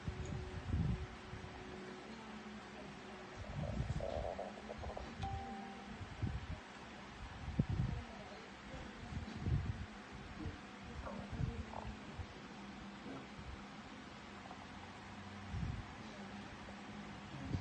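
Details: Empty stomach after 15 hours without food; frequent low rumbles and gurgles over a faint hum; hunger growling (borborygmi).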